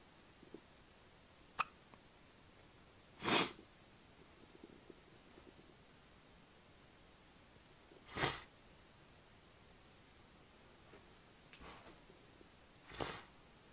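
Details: Infant hiccups: brief, sharp catching sounds recurring every few seconds over a quiet room background, with the baby being bottle-fed around this time.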